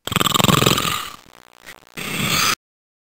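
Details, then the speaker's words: Heroic snoring, loud enough to be heard outside the sleeper's room: a very loud, coarse, rattling snore, then a brief pause and another harsh burst. "The term heroic snoring is used to define snoring which can be heard from outside the room where the patients sleep."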